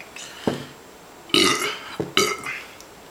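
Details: Adult man doing a 40 oz drinking challenge: a run of loud, voiced belches, two long and several shorter; burping.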